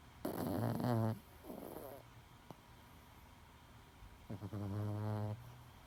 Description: My little 10 pound chi snores so loud 💜